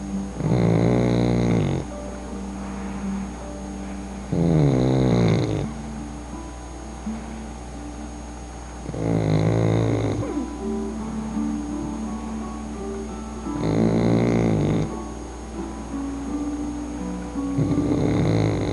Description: Who knew that a tiny little pug puppy girl could snor so loud !